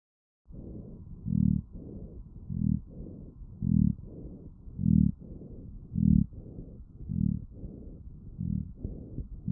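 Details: Lung auscultation recorded with a StethoMe electronic stethoscope and flagged by its AI: fast breathing with low, snoring-like continuous rumbles in both inspiration and expiration, rhonchi.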